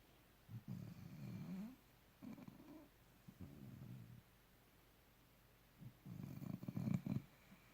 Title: Snoring Pandora